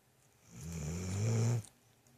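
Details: Merlin, a dog, snoring: a single low, rumbling snore that builds and stops abruptly in a quiet room; owner jokes he could use a CPAP.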